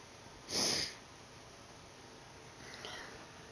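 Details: A single short, hissing sneeze burst, followed by a faint sniff a couple of seconds later, in a quiet room, from a sneezing compilation; sneeze.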